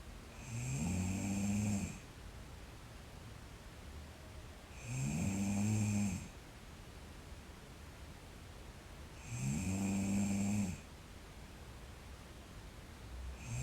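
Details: Regular low rattling snores on each in-breath, about 14 a minute, with quiet exhalations between, from a sleeping girl.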